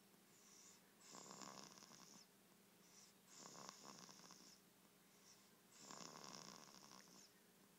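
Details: A girl asleep, with three noisy, rasping breath sounds a few seconds apart and quieter breaths between them: steady snoring during sleep.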